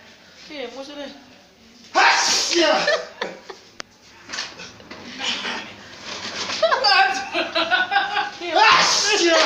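An adult acts out several styles of sneeze: voiced wind-ups followed by sharp, explosive bursts of air.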